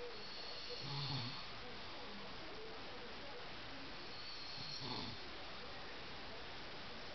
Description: My hubby snoring!